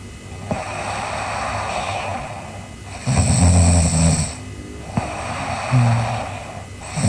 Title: Sleeping Girl Snoring (ICDM) Part 3